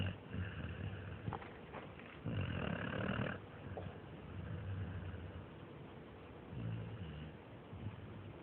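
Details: Snoring American Staffordshire terrier (amstaff), asleep: low, rough, grunting breaths with a rattling snore on each intake, in a quiet room.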